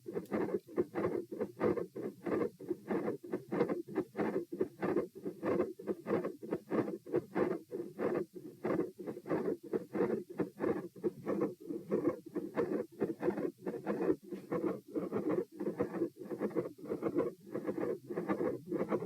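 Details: Heart sounds recorded at position P: regular heartbeats with a gradually appearing rumbling murmur that builds and runs continuously through the beats, plus electrical crackle; a continuous machinery murmur.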